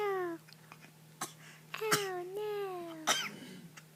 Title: She got a hiccup